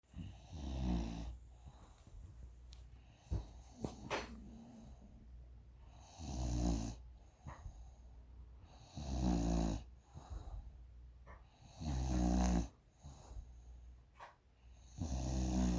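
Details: Loud rattling snores with each breath, about 21 a minute, with quieter breathing between them; snoring.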